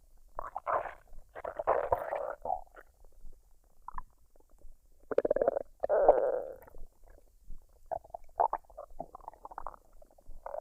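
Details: Female belly digesting a meal of fried rice and duck, recorded unedited with no artificial sounds: bursts of gurgling and squeaky rumbling with quiet gaps, normal bowel sounds.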